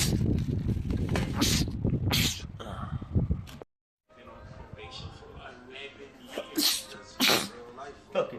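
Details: Male sneezing compilation clip: several sharp sneeze bursts mixed with talk, background sound and a brief silent cut, rapid sneezing fits.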